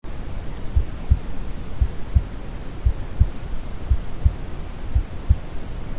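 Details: Steady, slow lub-dub heartbeat at about 57 beats a minute over deep, even brown noise; calm normal heartbeat used as a baby sleep sound.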